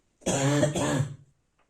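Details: Adult with a bad cold, pain inside; a single harsh, voiced dry cough with a rough barking, throat-clearing quality in a quiet room, in the morning. Dry barking cough.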